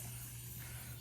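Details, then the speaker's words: Steady soft hiss of a blood pressure cuff deflating after a manual reading in a nursing-class demonstration; cuff inflated to 150 mmHg, reading 126/82. "I'm listening until that lub stops, which it just stopped right there. So now I can deflate the patient's cuff."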